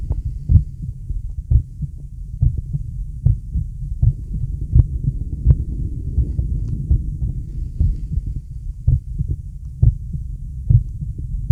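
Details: Male heartbeat with deep breaths: steady low double thumps at about 70 beats a minute with soft breath noise underneath; a normal adult heartbeat.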